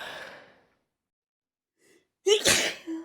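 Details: Sneeze brought on by chhinkni powder: a faint catch of breath, then a sharp, forceful voiced sneeze with a short trailing sound, with music around it; sneezing.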